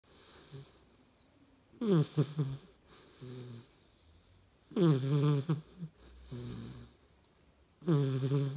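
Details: Sleeping Hungarian Vizsla puppy snoring with loud, rattling rasps on each breath in and softer breaths out between, about 20 breaths a minute.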